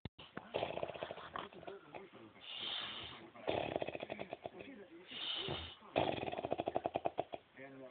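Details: Uncle snoring during sleep: loud, harsh, fluttering snores with a rapid buzzing rattle like a chainsaw, in repeated breath cycles.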